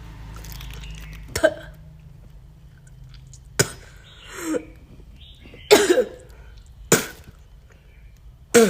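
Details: Woman of Chinese origin coughing and vomiting: several sharp, harsh cough bursts at irregular intervals with a gagging retch between them, in a quiet room.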